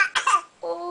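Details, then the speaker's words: Single short, harsh cough burst from a baby boy, followed by a brief voiced sound; described as a terrible cough. "oh my goodness that is a terrible cough oh dear that's a terrible cough"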